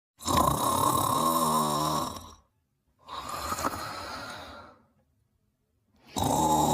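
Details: Person or animal sleeping in bed and snoring: long, loud, rough breaths with pauses between, a heavy snore pattern during sleep.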